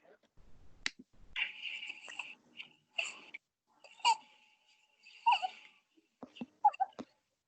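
An infant's noisy, high-pitched crowing breaths come in with inspiration, fitting stridor from suspected laryngomalacia.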